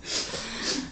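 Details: A single short, hissy snorting breath with a faint rattle near its end from a man asleep after drinking who does not wake when called; snoring.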